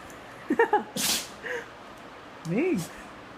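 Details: A short sharp sneeze-like burst from a small dog backing out of a tight spot with difficulty, amid brief human exclamations and whines; sneezing.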